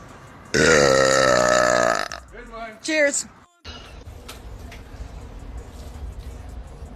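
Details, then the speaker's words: Woman burping: one long, loud, voiced belch lasting over a second, then a shorter second burp, with quiet room noise afterward. "Cheers cheers so full that was actually a pretty good one"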